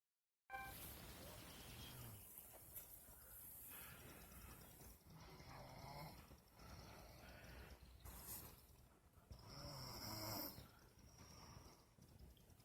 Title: She says I snore loud lol